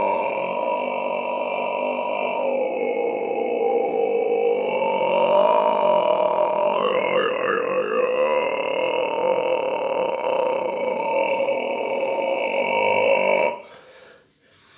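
One long, steady, drawn-out throaty belch lasting over ten seconds, with a slight wavering in the middle: prolonged burping.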